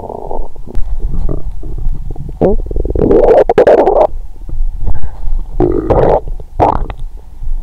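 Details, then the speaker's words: Adult's abdomen recorded with the belly warmed under a blanket, after a 22-hour fast followed by Christmas dinner and wine that left them drunk and nauseated: irregular gurgling, rumbling, squeaky borborygmi; the whole belly rumbles and vibrates. "मेरे पेट में हर समय गुड़गुड़ाहट होती है😂. अजीब आवाज 😂। "यह क्षेत्र कंपन कर रहा है।" "मेरा पूरा पेट बज रहा है"।"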